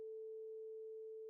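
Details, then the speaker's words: Steady pure tone of a vibrating tuning fork placed against the mastoid bone for bone conduction during the Rinne test, a hearing examination to distinguish conductive from sensorineural hearing loss. "place a vibrating tuning fork against the mastoid bone sound waves now travel to the inner ear via bone conduction"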